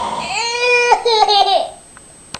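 Brief, clear, tonal infant cry with a rising and falling wail, lasting under two seconds in a quiet room.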